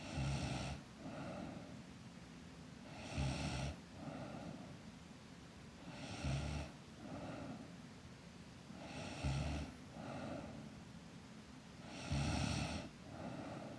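Regular snores at about 20 breaths a minute, a rough snort on each inhale and a softer exhale: sleep snoring in a child.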